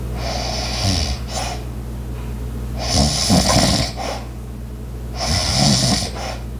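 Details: Light rhythmic rattling snoring with each breath in, over a steady household hum, with background sounds of an ice maker, clock and walking; snoring.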